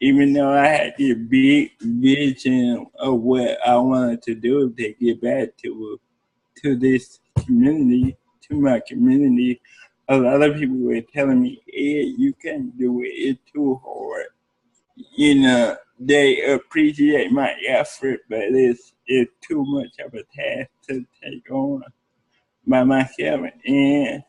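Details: Adult man with cerebral palsy speaking in an interview. Dysarthric speech in cerebral palsy.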